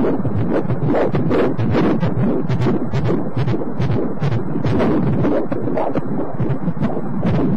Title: Baby Untra Sound | baby Heartbeat | 8weeks to 30 weeks | 9 months in the womb | Baby Care | 3D